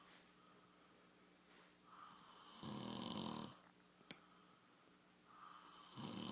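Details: Man sleeping and snoring: soft rattling snores on the in-breath, two within a few seconds, with quiet breathing between and faint room noise.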